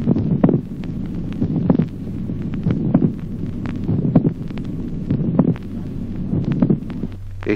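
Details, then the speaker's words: Late systolic click: regular heart sounds at about 50 a minute, with a notable resonant extra sound shortly before the dull second heart sound. "ejemplo octavo clic telesistólico el segundo ruido sordo es precedido a poca distancia por un notable ruido adicional resonante"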